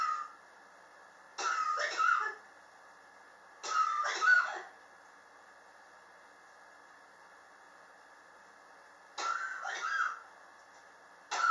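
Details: Three bouts of two or three dry, harsh coughs with pauses over room hum; chronic cough in a person coughing since summer 2016 and still in 2019, with medicine and home remedies not helping, blamed by the person on extreme indoor temperature changes.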